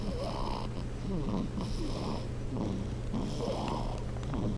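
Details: Repeated soft, rumbling, purr-like breaths with rising whistly tones, about three cycles in a few seconds, from a sleeping animal: snoring.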